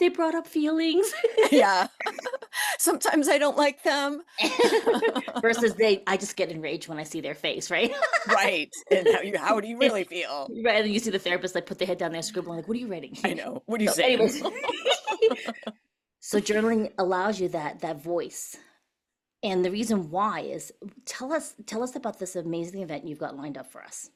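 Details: Adult speakers in conversation; typical voice.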